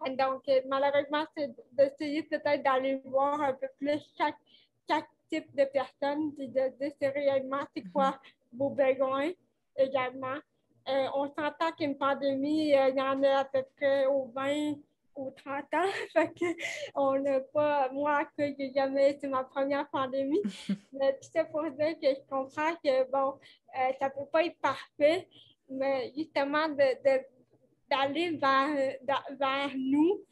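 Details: Dysarthria from cerebral palsy in a 29-year-old woman, caused by lack of oxygen at birth; she says her speech is affected; real conversational French speech.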